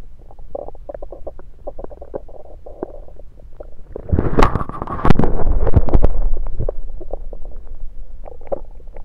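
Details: Stethoscope moved around the belly: soft low gurgles and clicks, then a louder stretch of rumbling and gurgling; active bowel sounds, a normal finding.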